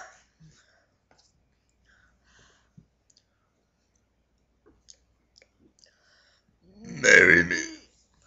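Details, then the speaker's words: Deliberate, voluntary burping by someone who can burp words: quiet clicks and mouth noises, then one loud, drawn-out voiced belch lasting about a second; a burp. "so that's some burping um this is fully burping of this one and I hope you enjoyed it"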